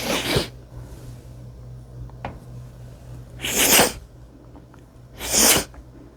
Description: wet chikni sneezes on a mirror